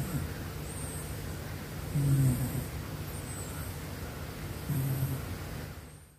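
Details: Sleeping cat snoring: two low, rumbling snores about three seconds apart with soft breathing between, roughly 20 breaths a minute.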